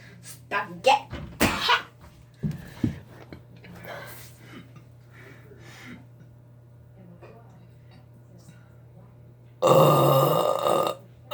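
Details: Person burping in a hotel bathroom: several shorter throaty sounds followed by a long, loud, rumbling belch, with a low hum.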